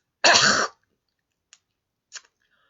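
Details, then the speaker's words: One forceful, harsh throat-clearing cough then faint breaths, from an adult with permanent trapped mucus who discusses vocal cord dysfunction; throat clearing to shift mucus. "That is mucus. I live with mucus. Sorry to do that. I live with mucus permanently."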